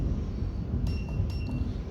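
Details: Acco portable 1 MHz digital physiotherapy ultrasound therapy machine, demo: two short electronic beeps over low room rumble as buttons are pressed (switch on, timer up/down); device button beeps.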